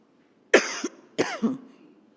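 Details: Adult woman politician coughing during a speech, her voice hoarse from shouting: two harsh, forceful coughs in quick succession, each ending with a voiced catch, a dry coughing episode.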